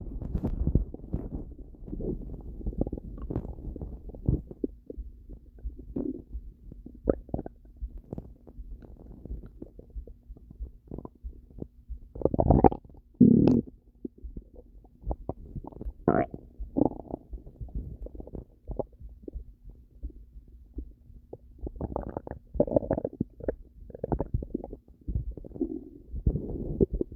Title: Violent Stomach Noises